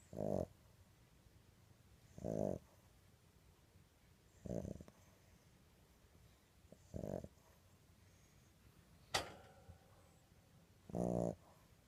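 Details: Short, regular, low snores about every 2 to 2.5 seconds from a sleeping dog, with one sharp noise near the end; snoring, with sneezing also noted.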